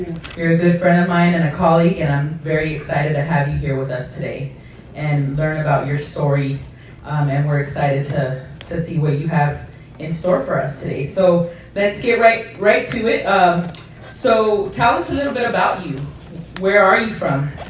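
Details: Adult male interviewer; normal speech.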